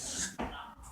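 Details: A baby with hiccups gives a single abrupt, short hiccup over faint room hiss.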